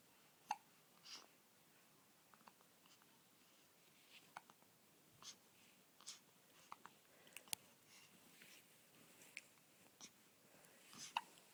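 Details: 1-month-old newborn baby boy with hiccups: soft, quick catching sounds repeating at uneven intervals, about eight in twelve seconds, in a quiet room.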